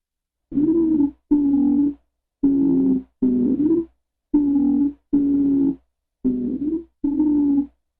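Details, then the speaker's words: Stridor from laryngeal spasm and mucosal inflammation narrowing the airway: very loud, continuous, high-pitched, musical honking breath sounds in regular bursts of about 31 per minute, audible at a distance. "la intensidad muy fuerte del estridor lo distingue de otras instancias mono fónicas tiene una duración continua y un tono agudo que semeja un graznido el escritor se escucha como sigue"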